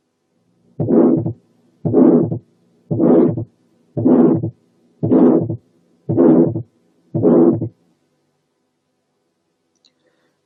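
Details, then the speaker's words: Mild pulmonary stenosis: regular heart cycles about 57 a minute, each with a short rushing ejection systolic murmur ending well before the second sound; the pulmonary component of the second sound is clearly heard. "نرجع نسمع تاني حالة mild pulmonary stenosis مدية ejection systolic murmur، ولاحظوا إن الميرمر بتخلص قبل السكند ساوند بمسافة، والبالمونري component of the second sound مسموعة كويس."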